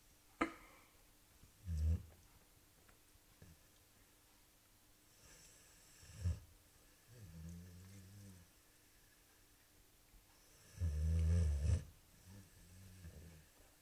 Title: Our snoring dog - boxer Omi